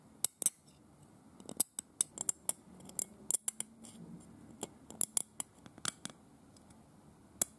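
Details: Simulated dental cleaning with a hand scaler on a teeth model: sharp, irregular metallic scraping clicks as paint is scraped off the model teeth in place of tartar.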